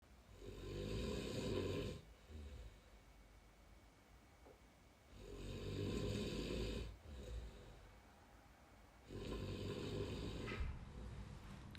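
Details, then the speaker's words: College roommate snoring at 3 a.m. in a shared study-abroad room in Dublin, likened to a power drill: three long, loud, rattling inspiratory snores, about five breaths a minute. "Echoing in my ears ain't the gentle Irish waves, but an endless snore that sounds like a power drill."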